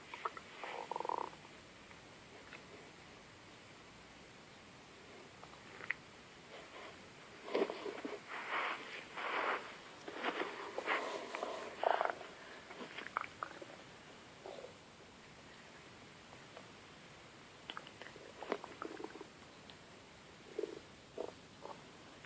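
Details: Very loud stomach growling: irregular gurgling, rumbling bursts separated by quiet pauses; borborygmi.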